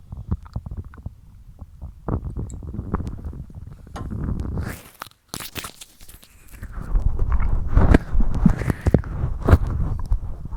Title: Stomach Growling